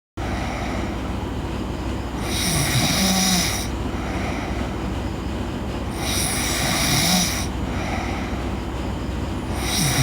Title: Girl Sleep Snoring